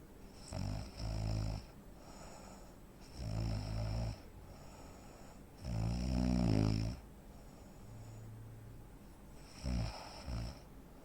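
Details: Real-life snoring from a 43-year-old man (85 kg, 165 cm) with obstructive sleep apnea: loud, rattling snores in uneven bursts with quiet gaps, breathing pauses typical of sleep apnea.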